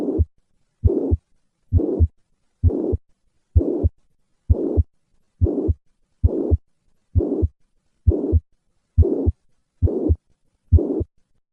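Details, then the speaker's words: Mitral regurgitation: holosystolic murmur of constant intensity extending to the second heart sound. "this murmur extends all the way to the second heart sound reflecting the significant gradient that exists between the left ventricle and the left atrium throughout systole"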